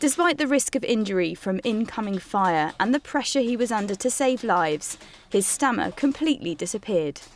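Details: Adult woman; ordinary speech.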